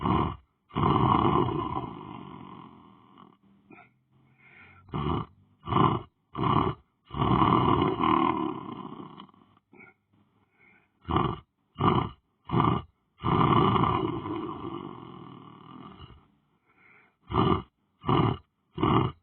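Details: Person lying down on the floor sleeping: loud, rough, rattling snoring breaths in long and short bursts with quiet pauses between.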